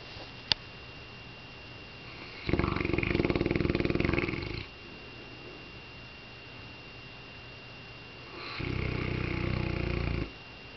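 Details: Sleeping Saint Bernard dog, possibly dreaming, snoring: two long, loud, rattling, fluttering snores of about two seconds each, separated by quiet pauses.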